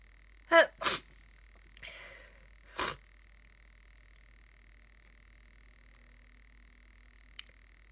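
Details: A person with a worsening cold sneezes three times in quick succession with a soft sniff between, over a steady background tone; a nose tickle, getting snotty, with coughing and nose blowing elsewhere. Repeated sneezing.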